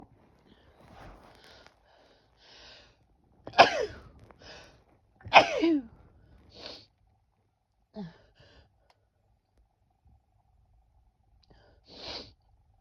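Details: Female sneezing: two sharp, explosive sneezes, each preceded by quick inhaled sniffs, followed by short breathy exhalations in a quiet room.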